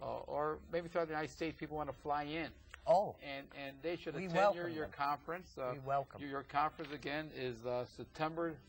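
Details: Adult man speaking; normal speech.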